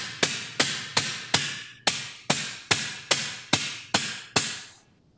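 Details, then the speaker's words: Surgical mallet, eleven sharp metallic strikes at a steady pace, driving a joint finder into the sacroiliac joint after Steinmann pin placement during posterolateral sacroiliac joint fusion with hardware under X-ray guidance. "side and you basically Mallet it in oops where's your X-ray there you go do you have a bigger Hammer there you"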